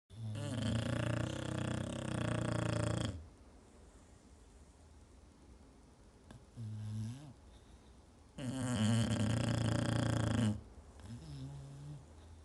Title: My Funny Enlish Bulldogs Snore Like Old Men!